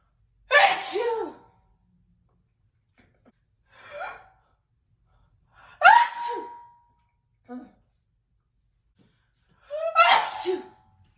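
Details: Three loud voiced sneezes from a standing woman, each following a short gasping intake of breath, in a quiet room; ordinary sneezes.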